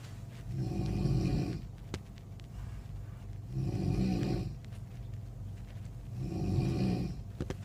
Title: Snoring sound